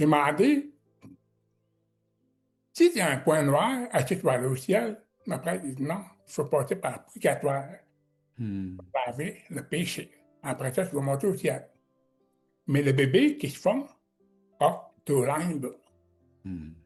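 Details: Man with severe-to-profound deafness who learned to pronounce letters, speaking French; deaf speech.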